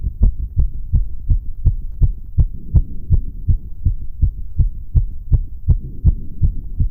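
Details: Rapid, regular heartbeat at about 160 a minute on auscultation after exercise on a rowing ergometer: severe sinus tachycardia.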